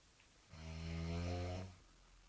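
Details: Sleeping girl with severe snoring, stated as real and unedited: a single deep, buzzing snore just over a second long on the in-breath; loud snoring.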